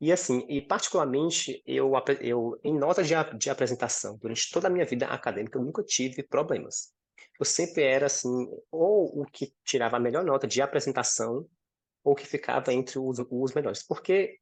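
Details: 26-year-old man with stuttering since about age 4–5, most severe between ages 6 and 10, accepted at about 15 and now managed; stuttering.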